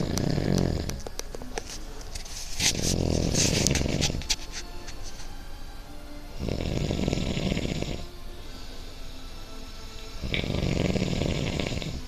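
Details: Woman snoring while asleep on a living room couch, recorded May 25, 2016: loud, rough rattling snores on each in-breath, about five a minute, over quieter out-breaths and faint room noise.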